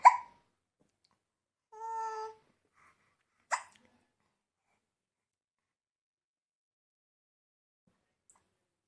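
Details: A baby boy with hiccups: two sharp, abrupt hiccup catches a few seconds apart, with a brief soft vocal sound between them.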